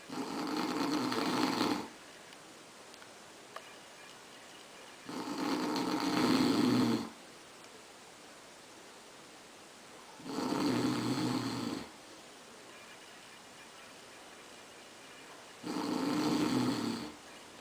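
Four loud, rough snores on breathing in, spaced by quiet breathing out, about 14 breaths a minute; ordinary snoring.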